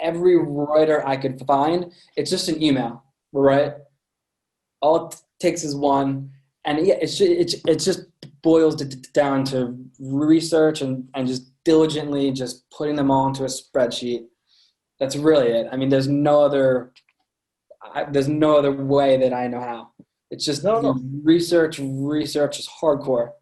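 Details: Adult man with a lifelong stutter present since birth, noticeable to listeners; stuttering.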